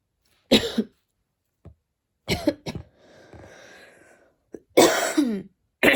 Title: coughing while studying